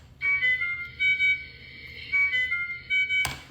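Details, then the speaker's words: Ventilator high peak pressure alarm: repeating high-pitched electronic tones; a high-pressure alarm signals obstruction. "that is a high peak pressure alarm from a ventilator essentially saying, "I am not breathing or get your ass in here.""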